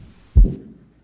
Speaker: in between the first and second heart sound you hear a noise and that noise has a kind of a diamond shape amplitude to it it's early peaking and this is would be a mild aortic valve stenosis